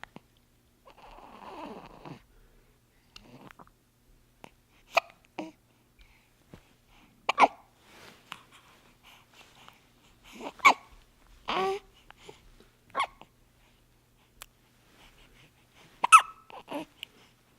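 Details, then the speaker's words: Newborn baby boy about 10 days old with frequent hiccups: brief, sharp hiccup sounds at irregular intervals, about one every five seconds, in a quiet room. "so that is a video of our brand new baby drew who was born like 10 days ago something like that anyway he's got hiccups hiccups are his main problem in life"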